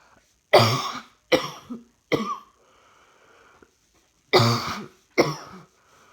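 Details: Coughing while trying to work, feeling rather hot: two bursts of harsh coughing, five coughs in all, separated by a quiet pause.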